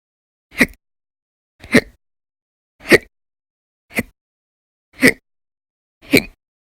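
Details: Audio-only recording of persistent hiccups lasting many hours per day over December 2019, described as violent and very loud; six sharp, abrupt gulping hiccups about one second apart with silence between.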